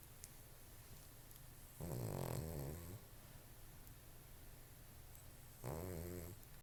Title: Loudest snoring ass dog ever